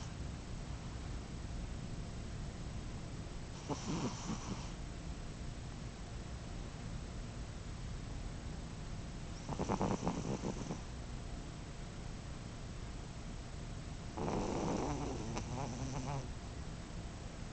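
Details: Snoring, owner suspects she is asthmatic: three soft, rattling snoring breaths at about ten breaths a minute over steady background hiss.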